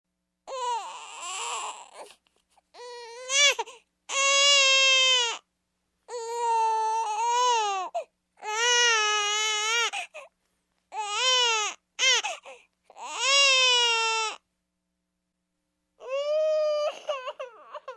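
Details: Infant crying sound effect: repeated high-pitched wails separated by brief pauses for breath.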